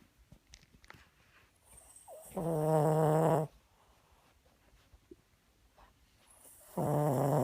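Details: Two loud, buzzy snores about four seconds apart, with quiet breathing and faint room noise between them.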